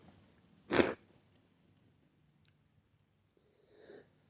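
A single loud, abrupt sneeze followed by quiet, then a soft sniff-like breath.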